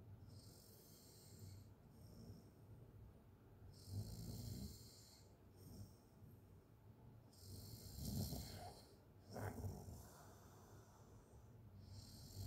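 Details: Open-mouth snoring during sleep: quiet, irregular rumbling snores on breathing in, with soft noisy breaths between them.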